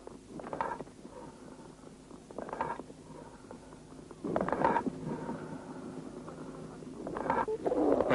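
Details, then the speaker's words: Auscultation over a lung cavity or abscess: hollow, echoing breath sounds with a ringing tone; amphoric breathing, contrasted with bronchial breathing over inflammatory lobar consolidation. "при воспалительном уплотнение доли легкого выслушивается бронхиальное дыхание а при наличии каверны или абсцесса амфорическое дыхание"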